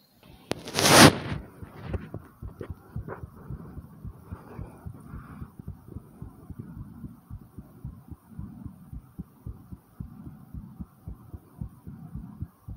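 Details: Own fast heartbeat with breathing recorded after 10 jumping jacks: quick, regular heartbeat thumps with faint breathing; normal rise in heart rate after exercise.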